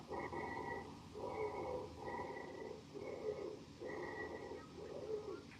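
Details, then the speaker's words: Sample audio of repeated squeaky, high-pitched, continuous musical whistling with each breath, loudest on expiration: wheezes from narrowed airways. "how do you know that you're hearing wheezes well you want to pay attention to the timing with wheezers you're mainly going to hear them on expiration where they're going to be the loudest but you can note them on inspiration and expiration and their pitch is going to be high"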